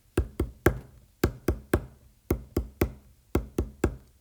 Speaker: so s3 is low pitched and s4 is higher pitched which one of the reasons you could listen to the ball because the ball will allow you to amplify those lower pitched sounds okay